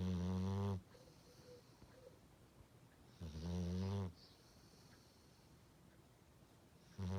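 Loud, low, rattling snores on each in-breath, about every three seconds, with quiet pauses between.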